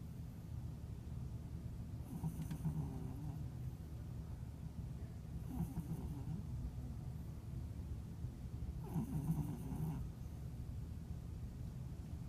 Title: Snoring cat Leo